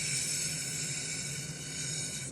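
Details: Clinician's demonstration of a sustained /s/ using a variation of the straw technique (pretending to pull air out of the straw), taught for interdental or lateral lisp; sustained /s/ sound.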